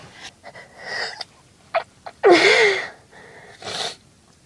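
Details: Girl's acted sneeze amid complaints of sore throat, headache, chest pain and unsure allergies versus illness: quick catching inhalations, loud explosive sneeze, breathy exhale.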